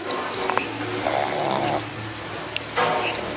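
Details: Pug, awake with eyes wide open, snoring hard: noisy, rough snorting breaths from a small flat-faced dog.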